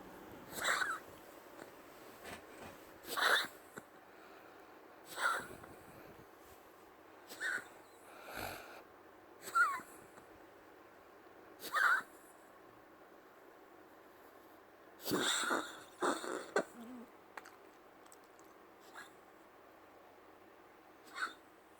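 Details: Cat coughing on a Friday night: a series of short, harsh coughing bursts with a faint wheezy edge, repeating every few seconds.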